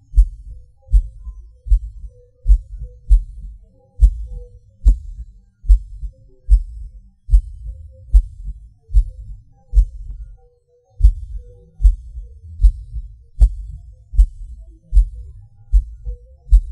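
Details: Recording of own heartbeat with PVCs/PACs: low thumps about 75 a minute, uneven rhythm with pauses and early or forceful beats, felt as a falling sensation; irregular heartbeat with premature beats.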